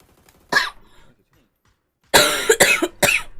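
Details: Girl coughing: one cough, a pause, then a quick burst of three harsh coughs; a plain repeated cough.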